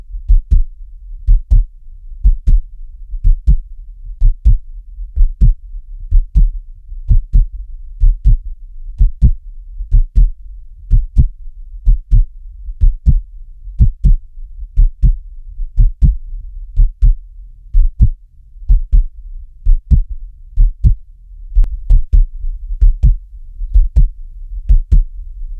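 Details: Steady heartbeat with clear paired lub-dub thumps at about 60 beats per minute, made for relaxation and sleep: normal heartbeat.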